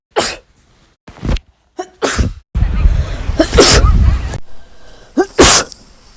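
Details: Sneeze compilation, with a joking reminder to take allergy meds: a string of sharp, explosive ordinary sneezes, some with a short in-breath before, amid outdoor and background noise.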